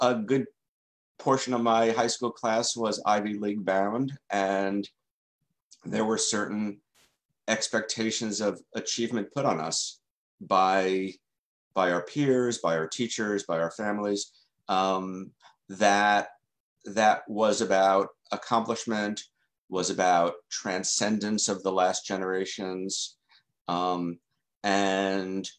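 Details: Adult male journalist who has stuttered since childhood and has been in the stuttering self-help movement since 1992; real, non-acted speech in an interview; stuttering.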